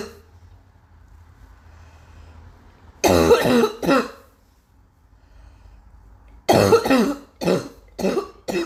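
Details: Adult, still coughing heavily: repeated harsh coughs in two clusters, about five bursts, in a quiet room, a persistent cough.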